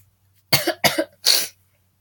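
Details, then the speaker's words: Three short, harsh cough bursts in quick succession, the last slightly longer, from a speaker who is sick with a sore throat and says the cough sounds like a moose call; cough. "So whenever I get sick, as you can hear already as I'm coughing, when I get sick and I get a sore throat, for some reason, when I cough, it sounds like a moose call."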